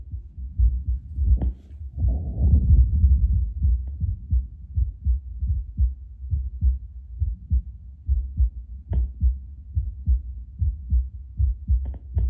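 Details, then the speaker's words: Steady low heartbeat of an adult heard through a Bluetooth Littmann CORE stethoscope about two minutes after drinking espresso, rate around 70–75 per minute, beating slightly stronger, with brief handling rustle. "Just like listening per minute doesn't seem to have changed too much. Sounds like my heart's just beating a little bit stronger."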